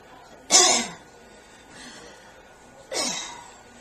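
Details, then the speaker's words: Chest physical therapy by respiratory therapy students: the patient sits up straight, takes a deep breath and gives a voluntary cough, two short sharp bursts with a quiet breath between, to clear secretions. "so if you would mind please sit up straight and just going to take a deep breath for me okay and while you're sitting up straight would you be able to um cough for me of"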